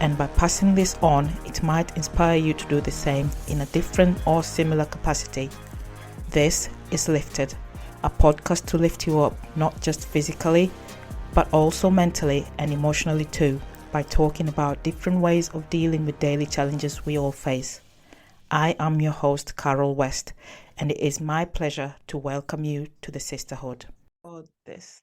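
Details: Adult male speaker; normal speech.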